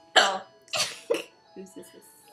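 Three harsh throat-clearing bursts, then a few soft voiced catches. Ordinary throat clearing.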